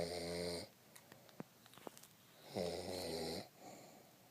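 Two loud buzzing inhaled snores separated by soft breath noises and small clicks.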